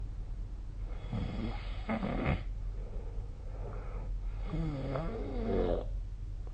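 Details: Snoring during sleep: two drawn-out, fluttering snores with a wavering pitch over steady low room noise.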